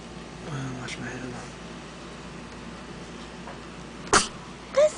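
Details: Sneezing: two sharp, explosive sneezes close together near the end, after a stretch of quiet room noise.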